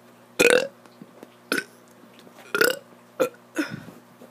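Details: A child burping on purpose: five short, loud voiced belches from the throat in quick succession; burping.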